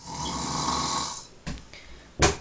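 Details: Adult man asleep after a night out, who says he doesn't snore: long, harsh, rattling snore on the in-breath followed by short breathy noises.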